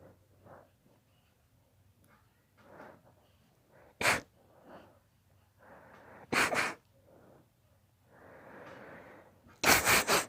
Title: My daughter's rapid allergy sneeze fit